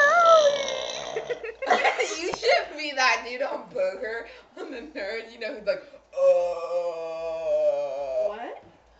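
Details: Deliberate burping by a girl known for burping amazingly, during a night at a friend's house: drawn-out, rumbling voiced belches and one long sustained burp at the end, with talk mixed in; burping.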